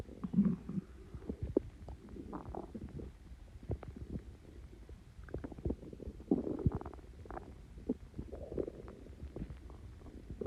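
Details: Stomach growls after Coke and Mentos: low, irregular, continuous gurgling and rumbling bowel sounds from gas moving through the gut; borborygmi.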